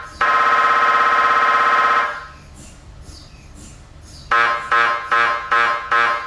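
Loud buzzing drone, a quieter stretch, then rapid repeating electronic beeps and buzzes. Typical MRI scanner gradient noise.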